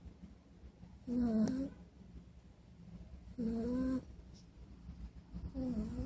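Regular snores with a fluttering, tonal quality on each breath, about 26 a minute, over a low room hum. Snoring during sleep.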